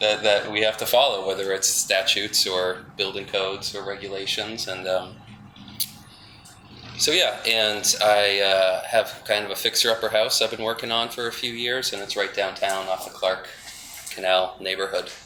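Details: Adult man with spasmodic dysphonia, which he calls basically localized epilepsy; he links his voice to a fall off a cliff in an extreme skiing championship that left his throat 'gunked up'. Finding: spasmodic dysphonia.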